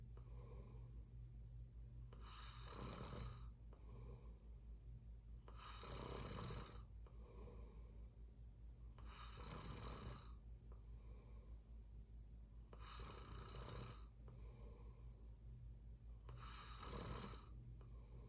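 Loud, rough inspiratory snores alternating with quieter breaths, about 18 breaths a minute, with steady low room hum behind.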